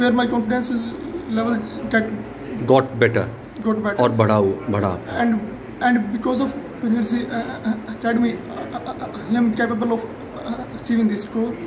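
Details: Adult male stammerer speaking in an interview; stuttering.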